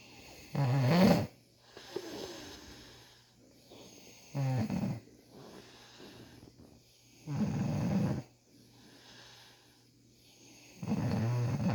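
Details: Man having tough ingrown beard hairs treated, snoring loudly: rattling snores about every three to four seconds, roughly 17 a minute, with quiet breathing between them.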